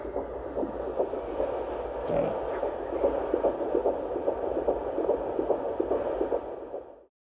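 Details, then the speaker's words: Fetal heartbeat heard over a Doppler monitor during pregnancy: rapid, regular whooshing pulses at about 146 beats per minute. "the bonus is you get to hear the baby's heartbeat if you sticked around this whole time so i'm gonna go ahead and slide that in"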